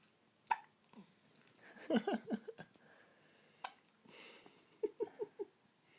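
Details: A girl with hiccups in a quiet room; sudden short gulping catches, some followed by brief voiced squeaks, repeating over several seconds.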